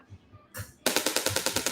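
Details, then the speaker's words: Radial shockwave therapy device switched on at low intensity, with adjustable frequency and intensity, before demonstration on the arm; a brief click, then a rapid train of sharp, regular percussive taps, about eight per second. "and up here this is the intensity of the shock waves going through so we can adjust up or down depending what we're doing"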